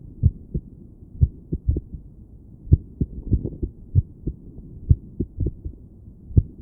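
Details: Woman listening to her own heart with a stethoscope while sitting on her bed, trying to breathe slowly and relax: low thumps at uneven intervals with short runs and longer pauses, an irregular heartbeat.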